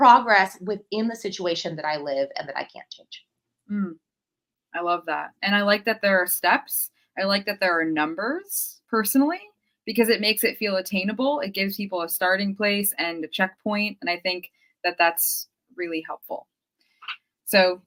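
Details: Adult woman speaking; normal speech.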